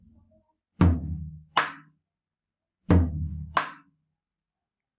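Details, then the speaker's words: Simulated with a tambora drum rather than a real patient: paired drum beats imitate a normal lub-dub of first and second heart sounds in normal sinus rhythm; normal heart sounds (S1 and S2). "entonces en este momento vamos a simular a simular los ruidos en normal primero inicialmente entonces aquí tendríamos r1 r2"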